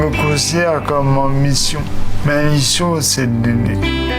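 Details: Adult man diagnosed with ALS in December 2020, who says he has lost some of his former speaking ability; dysarthria (ALS).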